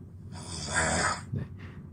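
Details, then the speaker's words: Person with very severe snoring being examined for sleep apnea: loud, harsh snore followed by shorter snorts, with pauses where breathing stops then resumes; snoring in obstructive sleep apnea. "So, there is a time when the person snores and stops breathing at all, and then snores and starts breathing again."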